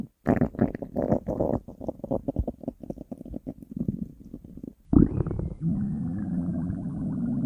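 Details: A run of rapid gurgling bubbles, then a long low rumbling growl: stomach growling.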